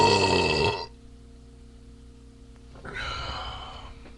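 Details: A loud, drawn-out belch, a pause with steady room hum, then a second lower, rougher belch-like sound; burping.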